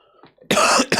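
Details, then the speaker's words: Adult man with a bad throat who says a chest infection is coming (joked to be a smoker's cough): a loud, harsh, chesty single cough, then the start of a second. "He's got a smoker's cough. No, mate, it's I've got a chest infection coming."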